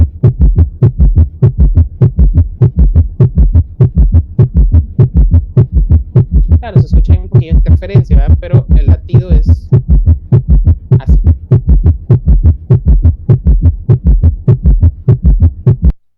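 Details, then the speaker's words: Summation gallop played in a lecture for severe left-chamber enlargement with severe heart failure and tachycardia: rapid, regular galloping low heart sounds at about 100 a minute, with faint background music. "ahora imagínense que un paciente tiene esto o no cree un crecimiento de cavidades izquierda muy severa con insuficiencia cardíaca severa y más aparte y desarrollar una taquicardia el ruido se escucha de manera magnífica"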